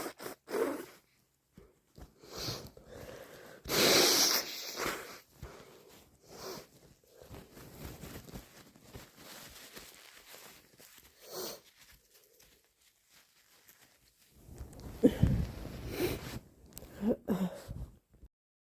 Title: Bad cold - 2 messy sneezes and blows